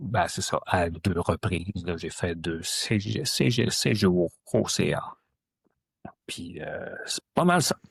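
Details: Adult woman who stutters, a member since 2015 of an association for adults who stutter; stuttering.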